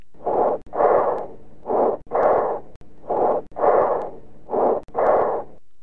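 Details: Educational auscultation recording of bronchial breathing: harsh, hollow breath sounds with a short inspiration, a clear gap, then a longer, louder, higher-pitched expiration.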